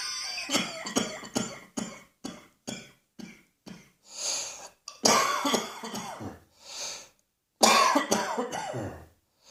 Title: Cross Dressing Coughing 97